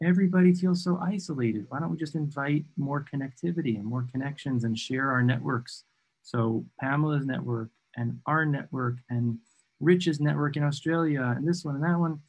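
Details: Adult male speaker; ordinary speech.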